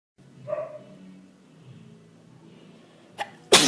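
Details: Adult sneeze during hay fever and a cold: a voiced build-up breath, a short catch, then a sharp, forceful sneeze.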